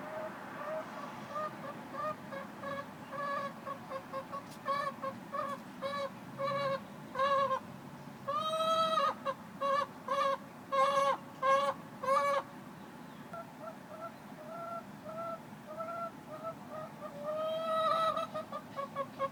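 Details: Hen making repeated high, whining, drawn-out crying-like calls for about 3 days, unusual for her; owner asks whether the sound is normal.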